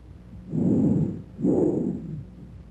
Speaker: bronchial breath sounds are louder and higher in Pitch than bicular sounds the expiratory sound lasts longer than the inspiratory sound and a silent Gap separates these two sounds normally